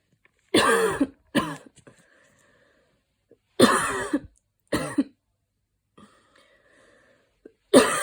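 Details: Right after a run, short, harsh cough bursts come in pairs with quiet pauses between them. Finding: post-exercise cough.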